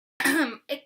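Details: Brief throat clear from an adult: a rough, voiced burst followed by a shorter second push.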